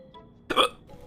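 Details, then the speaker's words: A single sudden, sharp hiccup from an adult during a bout of persistent hiccups, over faint background music. "Guys, how do I get rid of hiccups?"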